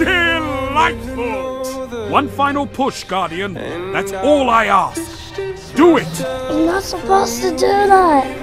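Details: Adult voices, acted dialogue; normal speech.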